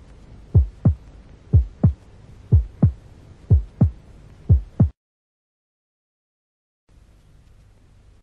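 Regular paired heart sounds at about 60 a minute, with a soft first sound and faint systolic murmur, fitting mitral regurgitation; brief silence follows.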